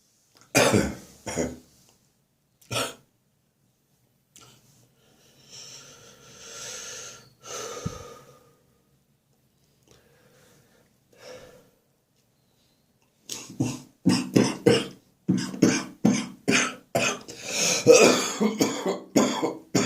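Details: Morning cough during a spring cold, becoming more chesty and wheezy: repeated deep, wet-sounding coughs in bursts with noisy breathing between, a chesty cough with wheeze.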